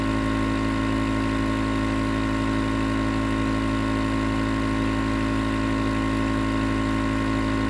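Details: Continuous nebulizer compressor running, recorded as white noise for sleep: steady, unbroken motor hum with a low buzzing drone.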